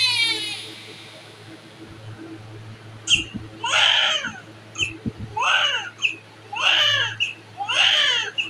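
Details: Healthy newborn weighing 4.5 kg just after birth: four rhythmic, strong, vigorous cries after a quiet start, with steady room hum.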